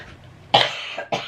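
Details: Two sharp, dry coughs close together in a quiet room from an adult with a cold and runny nose; a lateral flow test for COVID was negative.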